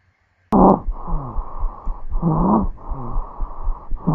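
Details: Stridor in a child, described as acute distress and an emergency: harsh, high-pitched noisy breathing with loud crowing inspirations from upper airway narrowing.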